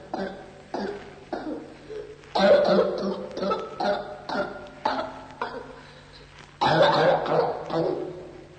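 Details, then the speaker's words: Repeated bursts of harsh, closely spaced coughs in clusters without intermediate inspirations, no clear whoop heard; paroxysmal cough presented as whooping cough (pertussis). "una profonda ispirazione segue una serie di colpi di tosse staccati, senza ispirazioni intermedie. Alla fine di questo attacco avviene la successiva violenta ispirazione, spesso accompagnata da uno stridore udibile anche da lontano."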